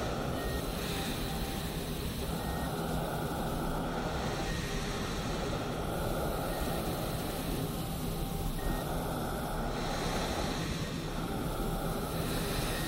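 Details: Faint, evenly spaced heart monitor beeps about every two seconds over the steady rushing hiss of a CPAP machine, used for sleep apnea therapy; a hospital-ambience relaxation recording with sporadic wheezing.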